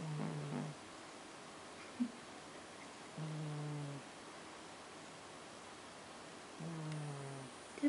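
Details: Snoring: three low, droning snores on breathing in, spaced roughly three seconds apart, about 20 breaths a minute, over a steady background hum.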